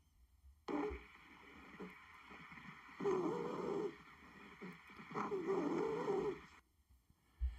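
Two high-pitched, musical, whistling sounds with breathing, over a steady background hum: wheezes, a continuous sound from narrowed small airways.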